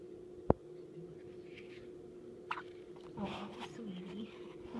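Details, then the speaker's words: Two sharp, brief hiccups about two seconds apart from a baby attached to a tube, over a steady equipment hum with faint soft sounds. "has the hiccups."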